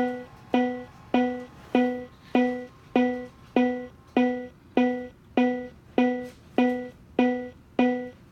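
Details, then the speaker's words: Cardiac Science Powerheart G3 AED on enhanced settings, rescuer compression-only CPR after a delivered shock: voice prompt to press chest one-third depth, then steady metronome beeps at about 100 per minute pacing chest compressions. "lean over patient with elbows straight press the patient's chest down rapidly one-third depth of chest then release start CPR"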